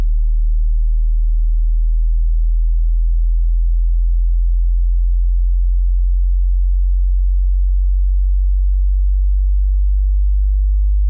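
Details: Steady low-pitched pure tone throughout, an online hearing test signal; hearing test tones.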